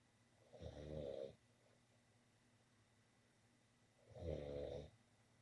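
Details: Snoring from a person sleeping in a quiet bedroom: two slow, rattling snores about three seconds apart, with quiet pauses between.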